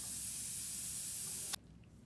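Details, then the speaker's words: Daily dental office opening routine: a low-speed dental handpiece with a rotary instrument is run via the rheostat to check rotation and air pressure. A steady, airy hiss cuts off abruptly. "and now we will check the low speed hand piece by attaching the rotary instrument and then we would check for rotation and air pressure by pressing on the Rio"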